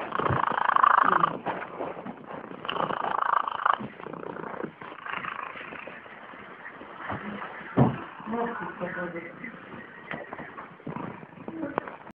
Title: Cat Snoring )))))